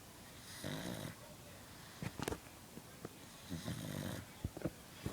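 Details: Snoring pug: two long, rattling inhaled snores with snorts and soft snuffles between, in a quiet room.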